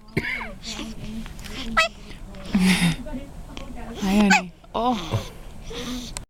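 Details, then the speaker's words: Little boy with hiccups, hands on his face, while his father films: sudden short voiced catches repeatedly break into his vocalizing, with an adult talking in the background. "you have the little hiccups buddy are you looking at Daddy yeah yeah you are oh are you videoing yes daddy's videoing your hiccups oh that sounds so pain"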